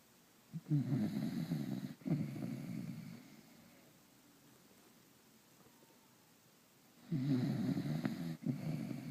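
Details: Sleeping dog snoring: two long, low, rattling snores separated by a pause of about four seconds.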